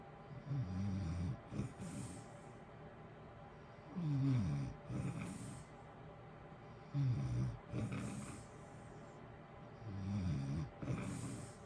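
Low rumbling snores about 20 a minute, each with a short breathy follow-through, over steady heater hiss. Ordinary sleep snoring.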